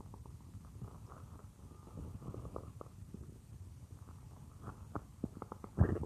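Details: A woman's stomach growling, heard as if lying on it while she works at a computer; low gurgling rumbles with scattered bubbling pops and a louder gurgle near the end: borborygmi.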